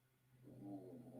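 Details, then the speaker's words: A dog snoring in the room, described as kind of loud, during talk; snoring. "Can y'all hear the dog snoring? Y'all tell me right now if it's bothering y'all, because if so, I'm gonna go put him in the room."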